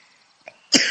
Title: Maaf batuk